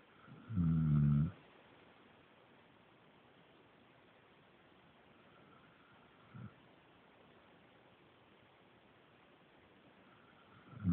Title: "I wasn't sleeping & I don't snore" Gotcha!